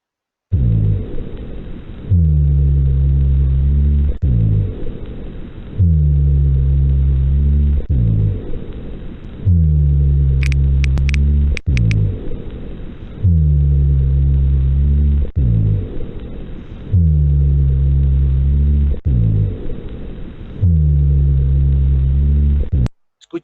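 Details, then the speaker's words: Rhonchi, heard mainly during expiration, coarser with larger affected airway: low-pitched, coarse snoring sounds recurring with each breath, from a partly obstructed large airway. "se produce durante el periodo expiratorio es como el de un gato no es cierto ahora cuanto más grueso calibre es la vía afectada más rasposa más duda más grave va a ser el rostro"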